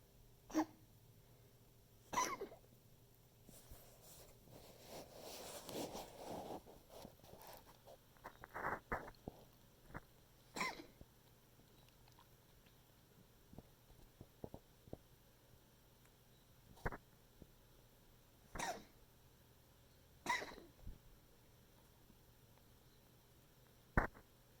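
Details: Pet's coughing fit recorded to document for the vet: about seven sharp, explosive coughing bursts spaced by quiet pauses.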